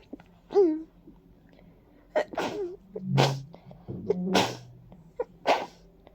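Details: Several loud, wet, congested sneezes with sharp inhalations between them from an adult with a stuffy, runny nose and watering eyes; repeated allergic sneezing attributed to ragweed and dust.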